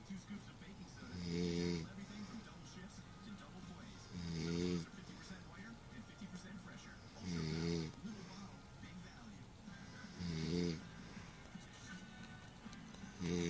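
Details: Female snoring while asleep: regular low snores about every three seconds, roughly 20 a minute, over television talk and music.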